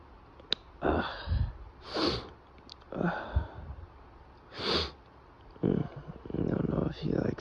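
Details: Sniffs and breathy catches build into several muffled, held-back sneezes with quiet breathing between, from a male with a tickly nose who is sniffling and snorting: stifled sneezes.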